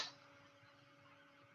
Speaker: I love when he sneezes like that. It cracks me up. It's like a cartoon sneeze.